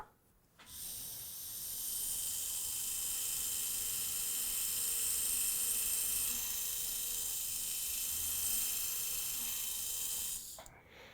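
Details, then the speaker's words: Dental implant site preparation for a late single implant: steady high-pitched pilot drill whine about ten seconds, starting and stopping abruptly, with a depth-marking stop after round-drill bone marking. "the next drill is the pilot drill if you are not really firm in how the length marking is built on the drill you should use the depth marking system so you just put it on and now you have the right length and you can drill down to the contact"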